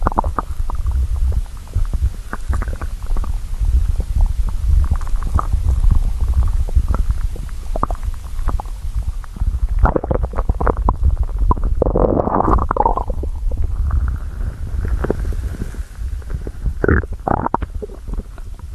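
Loud, prolonged gurgling and rumbling from the abdomen with bubbling bursts; ordinary hunger stomach growling.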